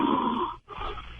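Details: Heavy snoring heard over a narrow broadcast line during a radio show: a rough, rattling breath noise, a brief pause, then another rough breath sound.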